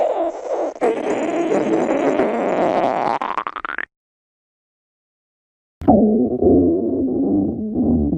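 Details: Hungry woman's stomach growling: loud, long gurgling rumbles from the belly, broken by a pause, typical of hunger-related borborygmi.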